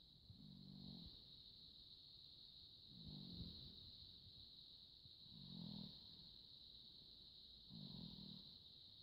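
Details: Slow, low rumbling snores about every two seconds over a steady high hum; snoring.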